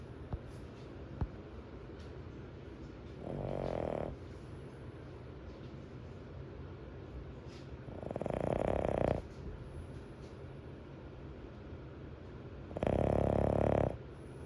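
Three slow, rough, rattling snores about five seconds apart, roughly twelve breaths a minute, over steady room noise.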